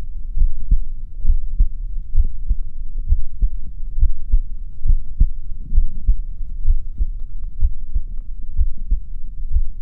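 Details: Own heartbeat recording: steady paired low thumps at about 68 beats a minute over a faint low hum; normal regular heartbeat.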